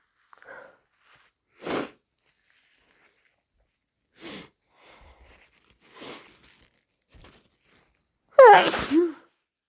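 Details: Several deliberately induced sneezes, short sharp bursts of air ending in a louder voiced burst, loud and wet, followed by snotty nose blowing in a quiet room; person woke with a tickly nose.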